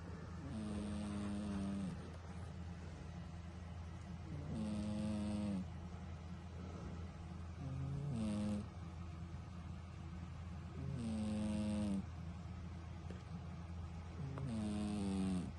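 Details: Sleeping cat snoring loudly: rhythmic snores with a high, whistling edge, about 18 per minute, over a steady low background hum.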